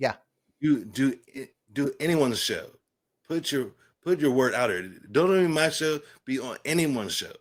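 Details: Adult man with aphasia following a stroke, speaking in conversation.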